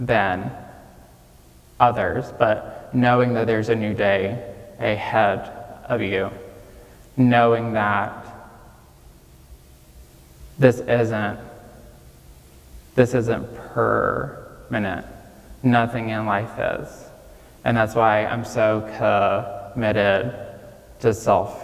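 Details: Real recording of a 26-year-old man with childhood apraxia of speech, diagnosed at age five after not speaking until then, with speech therapy five times a week; he says saying things may take him more time.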